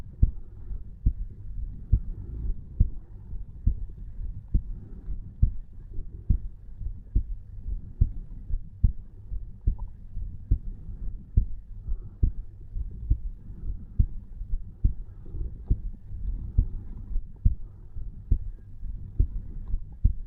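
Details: Steady, regular heartbeat at about 60–70 beats a minute with clear paired thumps, recorded over the tricuspid valve of a 34-year-old man at rest lying in bed: normal heart sounds.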